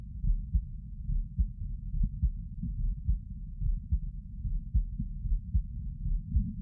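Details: Sitting heart sounds, regular low heart thumps at about 71 a minute heard through a stethoscope: normal resting heart sounds.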